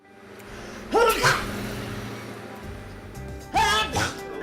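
Two explosive sneezes, each a sharp inhaled lead-in then a forceful burst, over background music.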